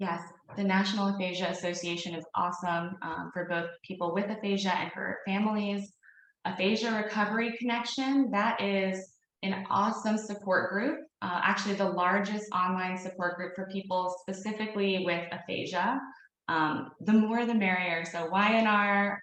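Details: Adult woman speaking; normal fluent speech.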